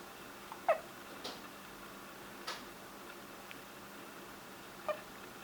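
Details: Short sharp gulping catches at irregular intervals, about four in five seconds, in a quiet room: hiccups.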